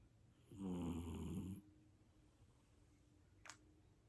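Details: British Shorthair golden shaded cat snoring, like a man.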